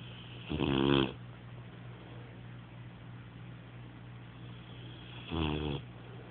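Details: Rocko snoring: two loud, rattling snores on the in-breath, about five seconds apart, over a steady low room hum.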